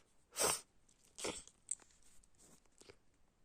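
One sharp, explosive sneeze-like burst, then a weaker second burst and some wet sniffling; sneezing.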